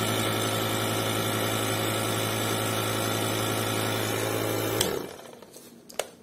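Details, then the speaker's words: Omron InalaPop NE-C704 home compressor nebulizer switched on, described as noisy: loud steady compressor running sound. "tão vendo o liga-desliga barulho é barulhento ele é um barulho é"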